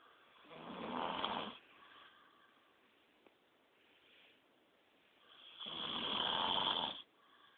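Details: Two loud, rough, rattling inhaled snores with quieter breathing between them during sleep; ordinary snoring.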